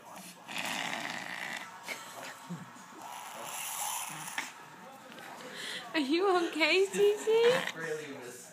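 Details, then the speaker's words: A female dog that the vet says has allergies, now on an antihistamine, makes rapid, repeated, harsh snorting inhalations: a reverse sneezing episode, confirmed by the vet. "well the doctor says It's just a reverse sneeze You Don't seem to like it much though honey"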